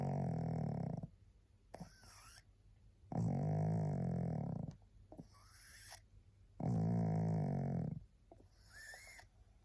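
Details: Tired pug, so sleepy she can hardly hold her head up, gives loud rattling snores on each breath in and quieter snuffling breaths out, about 18 breaths a minute; pug snoring.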